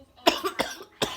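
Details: Adult with a cough, around taking cough medicine: three quick, harsh cough bursts in about a second.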